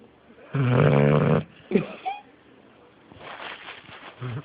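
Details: Sleeping merle pit bull snoring: one loud, deep, vibrating snore followed by softer snuffling breaths.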